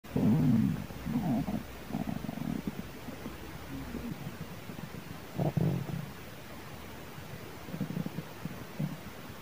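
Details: Stomach growling at midnight, recorded without external microphone: low gurgling rumbles in several bursts, a long one then shorter ones, over faint hiss; borborygmi.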